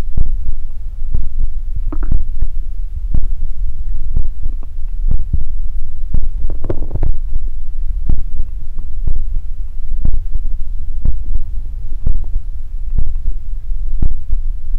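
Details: Close-miked ASMR recording of ordinary stomach growling: soft thumps with a few low gurgling rumbles from the belly as gas and fluid move through the gut; borborygmi.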